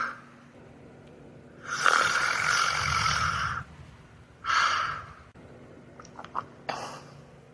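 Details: Two loud, rasping snoring breaths with a whistling tone, each on an in-breath, against quiet room noise; snoring.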